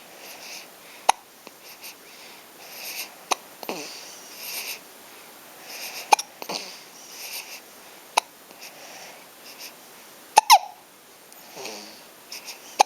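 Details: Hiccups: short, abrupt catches recurring every couple of seconds amid breathing and sniffing sounds in a small room.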